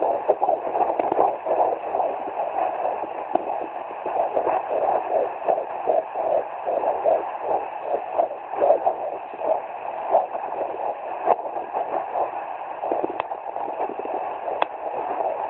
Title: 17 weeks fetal doppler